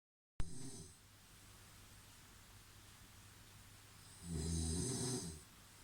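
Two loud, low, rattling inhalations about four seconds apart, with quiet breathing between: typical snoring.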